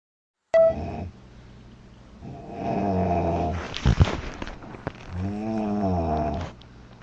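Two long, loud, buzzing snores with a vibrating, partly voiced tone, a few seconds apart, after a brief sharp tone at the start.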